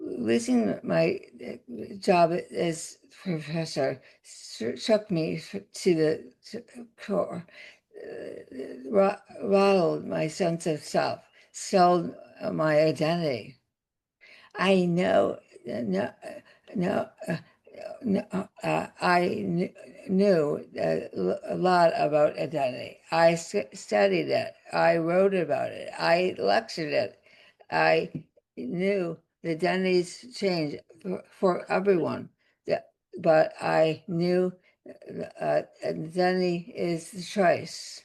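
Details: Adult woman, former professor, with aphasia after a significant stroke that also caused paralysis, receiving speech therapy; speech with word-finding pauses and garbled words; aphasia.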